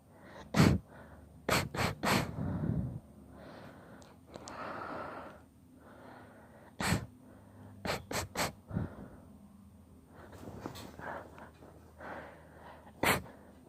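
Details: A long, deliberately induced sneezing fit of about nine sharp sneezes, some in quick clusters, with gasping inhalations and breathing between them; sneezing fit.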